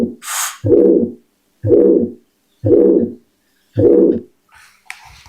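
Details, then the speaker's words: Four drawn-out, low whooshing sounds about one second apart, a recorded auscultation sound played to demonstrate a heart murmur, compared with normal symmetric heartbeats: heart murmur. "Vamos a ver los latidos normales. Eh, simétrico. Y ahora vamos a ver cuando hay un soplo en el corazón."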